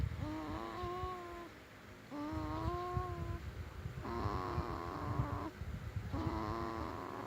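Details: Snoring during sleep: repeated tonal, whistling snores on each breath, about four in seven seconds, with a rough rattling undertone.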